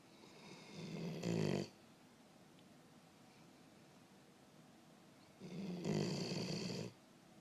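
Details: Snoring from a sleeping animal: two loud, rattling snores separated by a long quiet pause.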